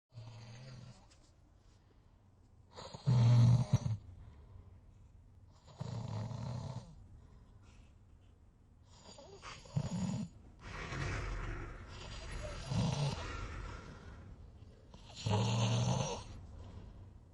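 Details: Snoring during sleep: irregular low, rattling snores on breathing in, some louder and harsher than others, with quiet pauses between.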